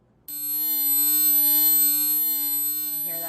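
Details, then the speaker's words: 12,000 Hz steady, very high-pitched pure tone from an online-style hearing age test; people over 50 have much more difficulty hearing it. "and then we also have twelve thousand Hertz which will play now"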